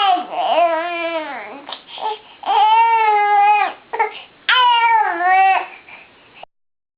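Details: Three drawn-out, voiced wails from an infant who has been hiccupping and sneezing, separated by short catches of breath, in a small room; an ordinary infant cry.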